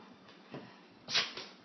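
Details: Dog sneezing on command: a quick, sharp hissing burst of air with softer snuffles just before and after, in a quiet room; a single sneeze.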